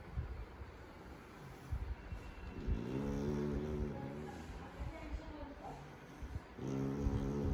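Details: Labrador puppy sleeping relaxed on a bed: low vibrating snore tones rising and falling with breathing over a background rumble; snoring.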